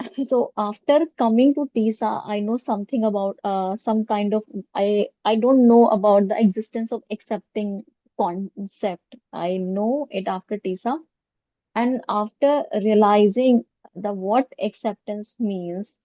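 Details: Stuttering in an adult woman who has stammered since childhood, severe in childhood and school, treated with speech therapy using prolongation and pausing techniques.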